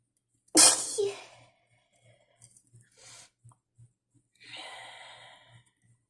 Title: Trying to holdback some sneezes after cleaning the dust